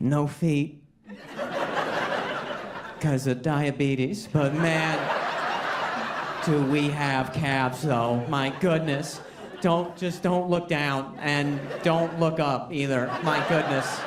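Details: Adult man speaking to a live audience; Normal speech.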